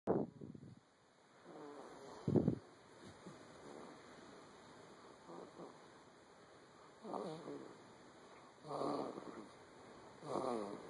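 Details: Young animal, 9 weeks old, snoring heavily in its sleep, with rhythmic rattling breath sounds about every two seconds.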